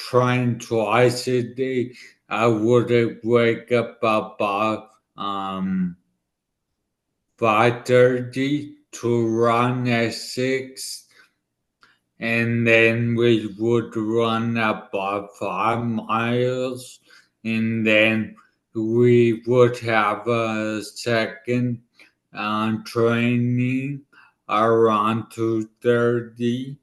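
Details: 40-year-old man about two years after a right-hemisphere ischemic stroke affecting his left side and part of his tongue and mouth, who relearned to speak: dysarthria after stroke.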